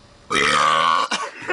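One loud, drawn-out voiced burp lasting under a second, then a short throaty sound; a deliberate belch.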